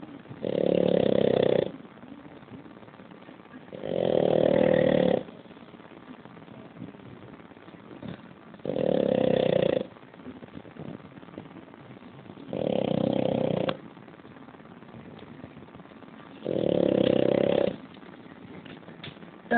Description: Minha buldogue Dora roncando!!!!